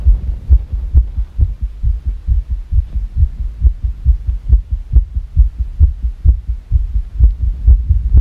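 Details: Fast irregular heartbeat, about 136 per minute with uneven spacing between beats, over a low hum; labeled as sick.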